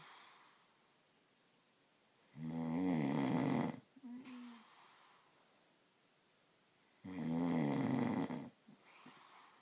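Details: Husband snoring during sleep: two loud, rattling snores on breathing in with quiet pauses between, about 13 breaths a minute.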